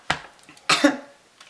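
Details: Person with a raspy voice who says they sound hoarse and are getting their voice back: two short throat-clearing coughs with a brief pause between, close to the microphone in a small room.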